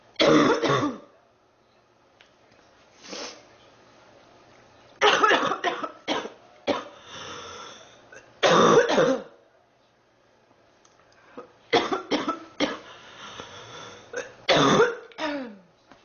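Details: Girl sick for three weeks, feeling hot and unwell; repeated bouts of harsh, dry coughing in clusters with quiet gaps and some throat clearing, a persistent cough.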